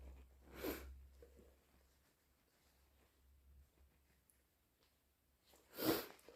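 Two explosive sneezes about five seconds apart in a quiet room, with soft breathing between; hay fever sneezing.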